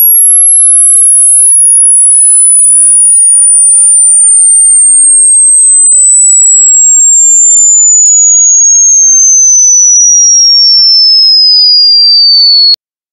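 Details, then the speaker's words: Hearing test over headphones, not a medical test: a pure whistle-like tone sweeping from very high to lower pitch over about 13 seconds to find where high frequencies become audible. Frequencies above 18 kHz are altered by compression. "I'm gonna be running some frequency sweeps from high to low and what you're gonna try to find out is where you can start hearing the high frequencies"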